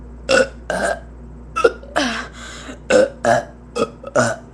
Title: never ending burping